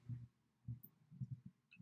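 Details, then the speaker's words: Normal heart sounds heard by a student nurse during a cardiovascular assessment, stethoscope bell, patient leaning forward: regular low lub-dub heartbeats without added noises. "do that again okay good so everything sounded normal"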